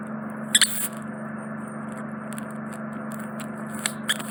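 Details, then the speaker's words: Microsuction of a large, deep impacted wax plug in an adult man's right ear canal, which was causing reduced hearing: steady suction hiss with sharp crackles and scrapes as wax is drawn through the tip and out a narrow canal entrance. "so I'm policing the wax and bringing it in towards entrance but you enter its marrow except I'm getting a large piece of wax through a narrow entrance so I'm supposed to wriggle at it it is coming out there"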